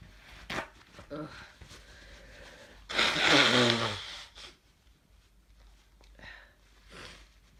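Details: A cough during a congested head cold with sneezing and nose blowing: a few brief cough bursts and one longer harsh, congested cough with sniffling.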